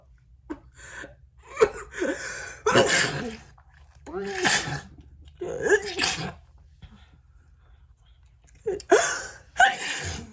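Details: Several forceful, wet, snotty sneezes, each preceded by a sharp in-breath with brief pauses between, from a woman who says she does not feel well today; sneezing.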